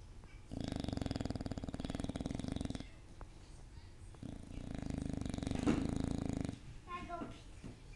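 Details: Pet sleeping and snoring: two long, buzzing, rattling snores with a quiet gap between; ordinary snoring.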